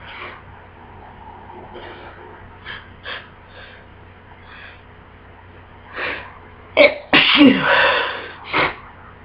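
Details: A person with a bad cold: quiet breathing, then a drawn-in breath and a rapid run of forceful, explosive, wet, congested sneezes.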